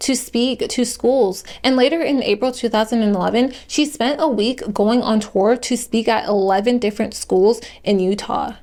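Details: Adult female narrator; normal speech.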